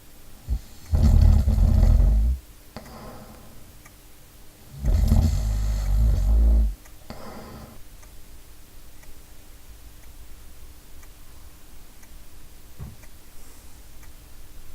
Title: Typical snoring profile - timing analysis and audio examples